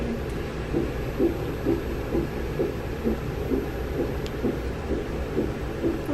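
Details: Rapid, regular whooshing pulses around 128 a minute: first-trimester fetal heartbeat on Doppler ultrasound.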